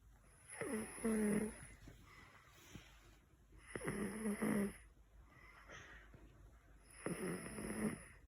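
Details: Snoring during nap time: rhythmic snoring with rough, fluttering inhalations about 19 times a minute and quieter breaths between.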